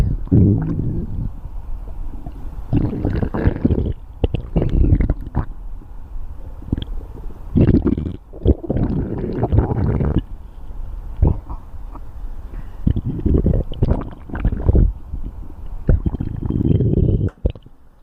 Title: Stomach Growl